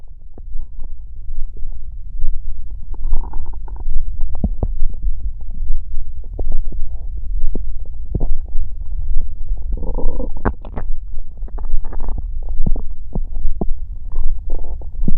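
Low gurgling rumbles and bubbling squelches come and go in irregular bursts: stomach growling, ordinary bowel sounds.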